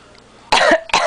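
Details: An adult woman (mom) coughs in two sharp, harsh bursts after a quiet start while she is sick, and a child laughs at the coughing.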